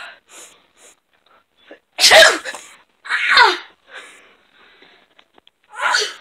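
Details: Deliberate, playful fake sneezes done as a prank: two loud, sharp sneeze-like bursts with breathy intakes and rustling around them; simulated sneezing, not illness.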